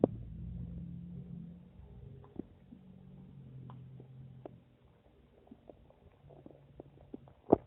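Low gurgling rumble followed by scattered soft pops and squeaks of gas moving through the gut; ordinary stomach noise.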